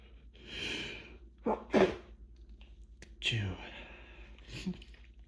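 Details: Breathy wind-ups then two big, forceful, wet sneezes in a short bout within a long, unending sneezing fit into a hand towel, during a final bout of hay fever; repeated sneezing.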